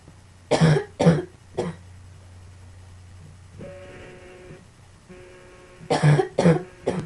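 Two bursts of coughing, about six harsh coughs in all, with a quiet steady hum between them.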